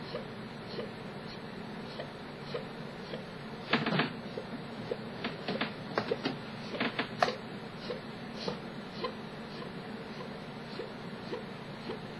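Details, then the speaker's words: Chronic hiccups, persistent enough to await a neurologist visit, now reduced to quieter sounds: soft, brief repeated catches and clicks of the breath during about a minute of pausing to hiccup. "Someone wanted to hear the hiccups, and this is what the hiccups have been reduced to sounding like. I'm gonna like pause and hiccup for like a minute."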